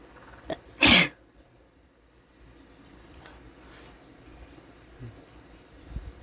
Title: Sneezing, some snot, and showing off nostrils